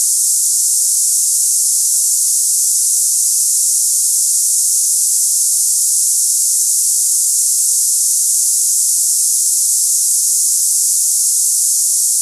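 Steady, unbroken high-pitched hiss like cicadas: a simulated sample of hissing, cicada-type tinnitus.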